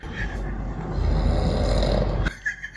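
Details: A sustained low, rumbling snore from an adult man who fell asleep in a quiet room during a podcast conversation; snoring.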